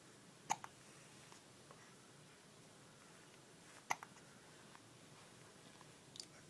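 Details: Little boy with two brief sharp hiccups about three seconds apart and a fainter third, over quiet room noise; hiccups.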